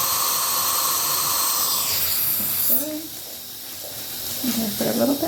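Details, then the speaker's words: Simulated dental suction in an acted ASMR role-play of numbing before periodontal deep cleaning, while the patient holds gauze: steady airy hissing of suction that cuts off, then faint mouth sounds. "yep I'm going to go ahead and section for you"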